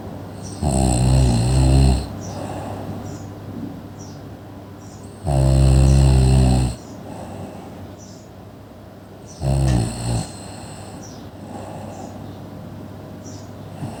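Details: Sleeping person: loud, low rattling snores about every four seconds over a steady background hum; snoring during sleep.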